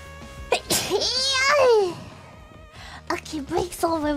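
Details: A VTuber gives a sharp, high-pitched sneeze with a sliding vocal tail, followed by light talk over background music; sneezing.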